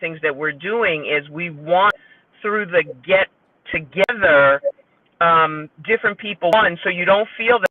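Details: Aphasia after stroke in a female support-group member; speech shows word errors.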